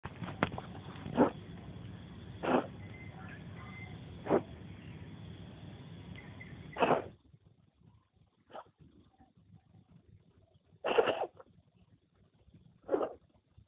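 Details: Pregnant cat gives several short, harsh bursts in a row, consistent with coughing, over faint room noise: cough.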